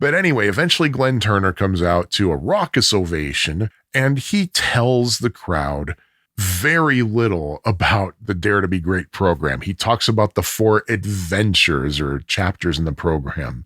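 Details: Adult male narrator; Normal speech.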